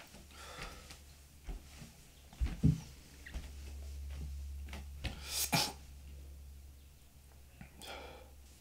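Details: A quick breath in, then a loud, explosive burst through the nose and mouth and a short snort afterward. A forceful sneeze that the person links to hay fever.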